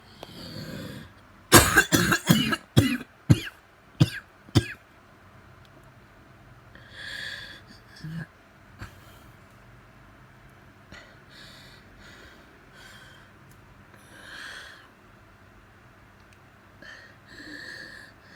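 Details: Asthmatic person coughing non-stop after suddenly starting while eating porridge: about seven harsh coughs, then slow noisy deep breaths with a faint whistling edge; cough with asthmatic wheeze.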